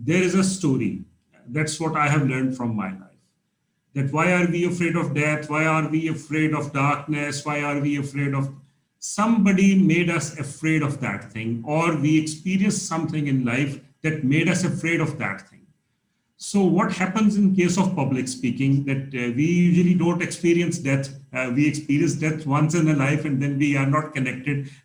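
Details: Adult male speaker; normal speech.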